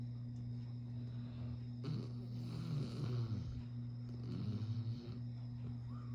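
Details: Basset hound dog snoring while asleep: low, rumbling, fluttering snores over a steady background hum.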